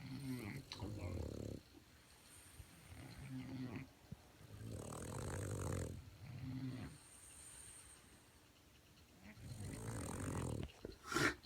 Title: Snoring Frenchies!